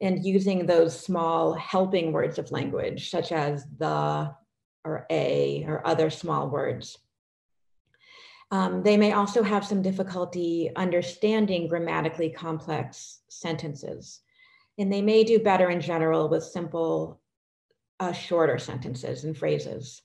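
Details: Adult woman speaking; normal speech.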